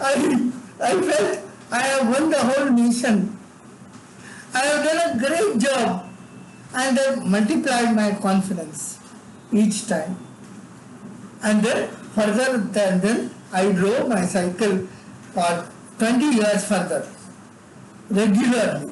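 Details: Adult man with severe cerebral palsy from birth, involuntary tremors in all parts of his body, unable to walk or talk until age eight; dysarthria in cerebral palsy.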